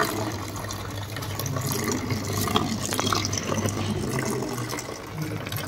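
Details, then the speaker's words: Pericardiocentesis with trocar and cannula in a 6-year-old cow with traumatic pericarditis, after rumenotomy 15 days earlier: steady gushing, splashing flow of foamy pericardial fluid as soon as the stylet is removed. "the moment I remove the this stroer the fluid will start coming with this one so now you could see the flow of the this pericardial [Music] flue now you could see there is a foam also"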